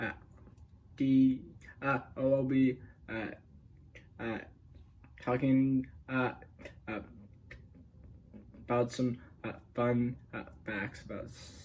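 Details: Adult male speaker; stuttering.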